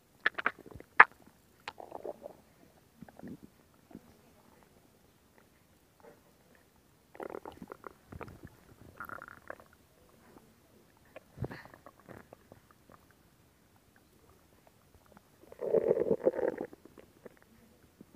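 Intermittent gurgles and rumbles from the abdomen: ordinary bowel sounds from gas and fluid moving through the gut.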